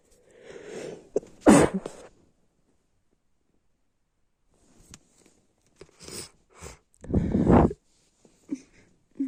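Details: Sneezing in a person who is sick and snotty: a sharp sneeze after a preceding inhale, followed by further sneeze- and cough-like bursts.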